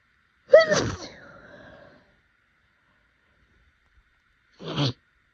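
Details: Powerful, snotty, rapid allergy-season sneezing fit: a loud voiced sneeze with a trailing exhale, then a second shorter sneeze a few seconds later.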